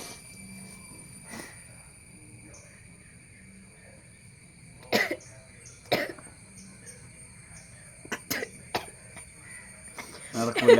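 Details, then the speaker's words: Adult woman's several short, sharp coughs, not sneezes, during a sneezing challenge with her nose being tickled, over steady electrical hum in a quiet room. "തുമ്മാൻ പറ്റുന്നില്ല ചുമയാണ്"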